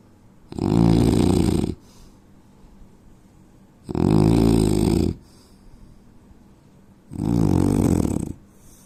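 Three loud, rough, rattling snores about every three seconds, with quiet exhalations between. Heavy snoring during sleep.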